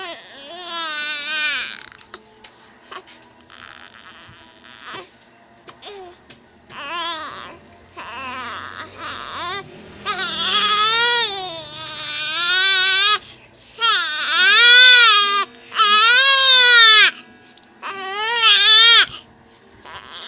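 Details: Baby crying in repeated high-pitched, wavering bouts, building from fussing into louder, sustained wails; infant crying.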